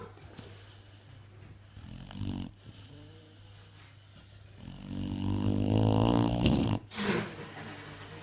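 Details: Sleeping dog: deep, rattling inhaled snores with a steady hum in the background; ordinary snoring.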